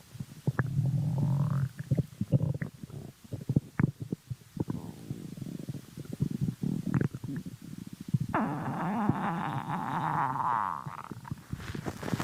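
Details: Stomach growling (borborygmi): bubbling clicks and gurgles with a low groan early and a long rising, squeaky rumble near the end.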